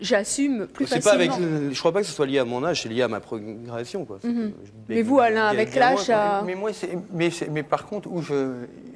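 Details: Adult male talk-show guest who has a stutter; he says his identity formed around it and that it is better today; stuttering.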